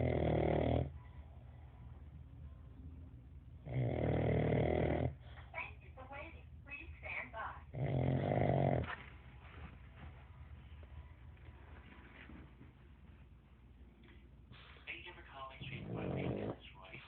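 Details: Pug dog snoring very loudly: loud, rough, rattling inhalations about every four seconds, with quieter snuffling between them; heavy snoring.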